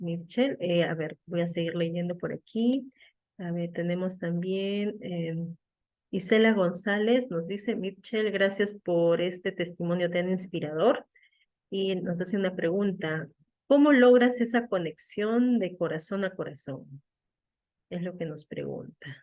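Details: Adult woman speaking Spanish; fluent speech.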